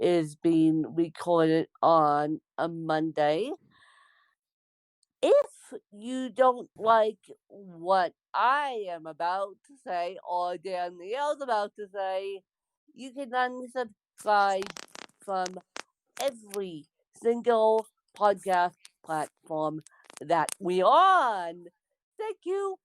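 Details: Adult woman born with cerebral palsy; dysarthric speech in cerebral palsy.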